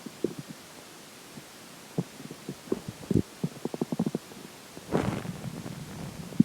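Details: Irregular clicks, low gurgles and a longer rumble during digestion after a slice of pizza for breakfast and McDonald's for lunch; ordinary bowel sounds.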